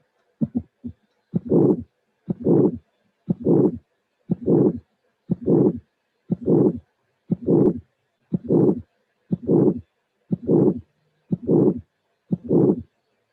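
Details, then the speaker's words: Simulated heart at about 60 beats a minute, severe aortic stenosis in a bicuspid aortic valve: high-frequency click right after the first sound, then a harsh ejection murmur whose peak is delayed compared with a previous case. "But this is not the complete finding, because then you will see the ejection murmur that is, as the previous one, a rush murmur, but the apex is delayed if compared to the previous case. So this will be a severe aortic stenosis in bicuspid aortic valve."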